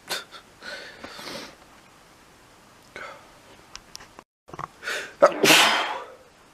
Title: sneezing a lot